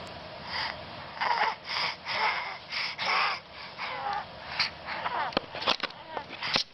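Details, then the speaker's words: Wheezing example played for asthma in children: labored breathing with whistling, musical wheezes on breaths in and out, then gasping breaths, from narrowed airways. "So, to try and help everybody understand what wheezing is, we've got some examples of sound clips of what squeezing sounds like."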